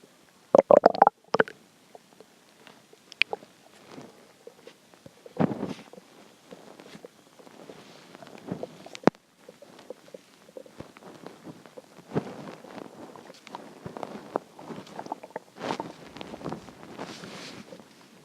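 Irregular gurgling, bubbling and rumbling bursts from an adult's belly: hunger-related stomach growling, a normal digestive sound.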